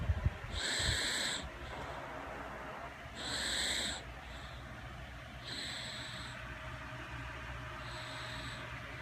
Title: baby snoring